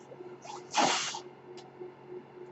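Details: Speaker's own mechanical ventilator heard while he talks on a podcast: a brief airy whoosh of a delivered breath, with softer puffs around it over a steady low electrical hum.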